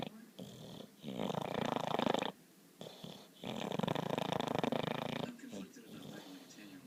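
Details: Dog Dexter sleeping and dreaming, snoring: two long, rough, rattling breath sounds with quieter breathing between.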